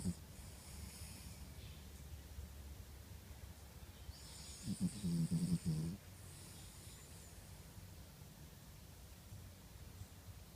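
Soft, steady breathing with one louder, rattling snore lasting about a second; a sleeping snore.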